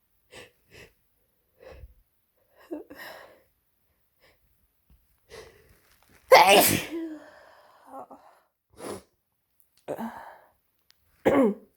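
Small breathy catches build into one loud explosive sneeze, then further short sneezes follow: a run of sneezes with a cold.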